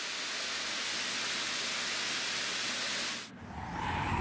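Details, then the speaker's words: Simulated sensorineural tinnitus caused by hearing loss: a steady rushing, wind-like hiss, one of several tinnitus sounds (beeping, cicada) heard only by the patient, i.e. subjective tinnitus. "바람소리 매미 소리 이와 같이 난청으로 인해 생기는 감각 신경성 이명의 소리는 다양하게 나타나며 환자 본인만 느끼고들을 수 있어 적 이명이라고 합니다"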